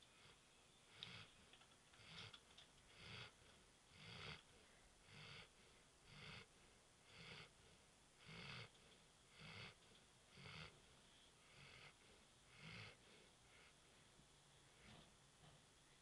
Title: Scrappy Snoring